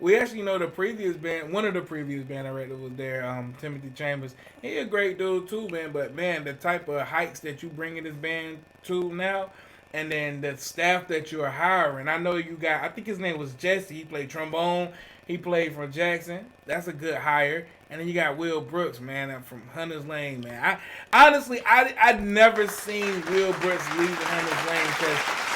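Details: Adult man speaking; normal voice.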